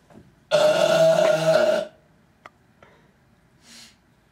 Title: Random Burps